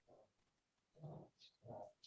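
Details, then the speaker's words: A dog in the background gives three faint, short hacking bursts that the owner says sounded sad: a brief coughing spell. "is that a dog my dog's coughing yeah that that sounded so sad"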